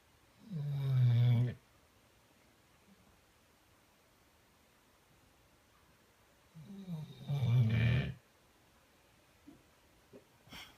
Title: My snoring dog